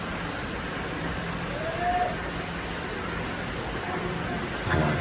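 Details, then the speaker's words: Portable nebulizer for cough and asthma running, a steady low hiss and hum as it produces fine mist for inhalation. "Ini nebulizer portable alat terapi uap untuk batuk, asma atau isparingan bisa coba diap pakai nebulizer ini."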